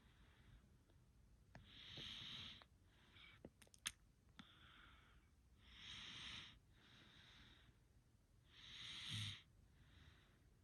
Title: Oddly satisfying Snoring sounds enjoy